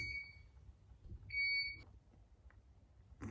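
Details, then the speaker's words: Two high, piercing electronic beeps in a quiet hospital room: equipment alarm tones during a 6-day-old baby girl's week-long stay for viral meningitis, on IV saline/glucose drip and antibiotics. "The thing I'm going to miss the least about this hospital is the beeping noises."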